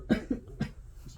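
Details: Adult woman, said to have been snoring, says her throat hurts; three short, quick cough bursts in a quiet room with a low television murmur behind; cough.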